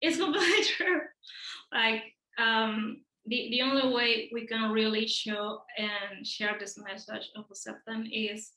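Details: Stuttering in an adult man, a speech therapist who describes himself as a person who stutters; audible part-word and word repetitions; finding: stuttering.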